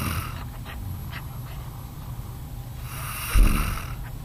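Low, rumbling snores with a louder snorting breath near the end; ordinary snoring during sleep.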